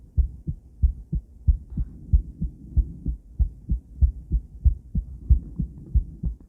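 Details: Ultrasound view of a female heart with heartbeat sound and some noise at the beginning; normal heartbeat.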